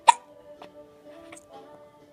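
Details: One sharp, sudden hiccup at the start, then faint soft sounds over quiet background music, recorded during late-night chatting.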